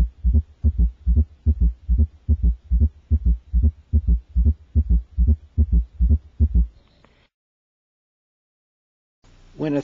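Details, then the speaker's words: Quadruple rhythm in a child: regular low heart sounds near 73 per minute with extra soft beats, S1, S2, S3 and S4 all occurring in the same patient. "when the four heart sounds S1 S2 S3 and S4 occur in the same patient they produce a quadruple Rhythm listen now to a quadruple [Music]"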